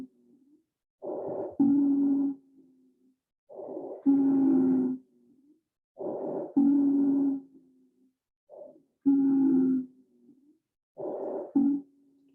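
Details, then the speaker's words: Recorded lung sounds played during a cardiac arrest management teaching session: musical, multi-pitched polyphonic wheezes on each breath out, about 24 breaths a minute. "so that that noise was a wheeze so the reason we know that it's a wheeze is it's polyphonic so it's got lots of different pictures of note and sounds"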